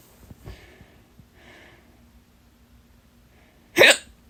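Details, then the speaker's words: Person with loud, strong hiccups from trapped gas after very fizzy soda and a painful burp, which holding the breath did not stop: one sharp, loud hiccup after faint breathing sounds. "Me tiene hipo debido a un doloroso eructo y un gas atrapado."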